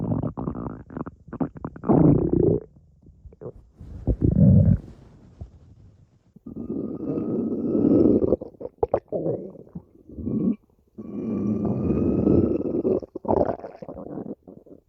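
Long, drawn-out gurgling growls and rumbles with short pops between them: ordinary stomach growling.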